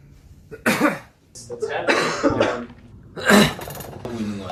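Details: Person coughing: several harsh cough bursts mixed with throat clearing and brief talk in a small room; an ordinary cough.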